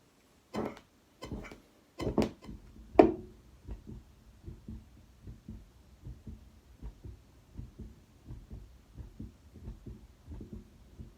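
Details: Normal heart sounds after exertion through a stethoscope: regular paired sounds at a brisk rate of roughly 85 a minute.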